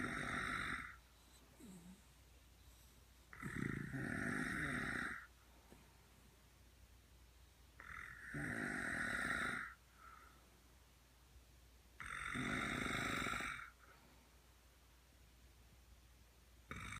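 Loud rhythmic snores on each breath in, about 15 a minute, from a sleeping dog and a person snoring together.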